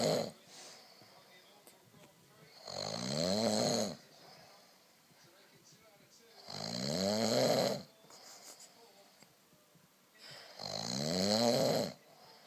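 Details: Husband snoring in sleep after too much wine: loud, rattling snores on each breath in, about 15 breaths a minute, with quiet pauses between; ordinary snoring.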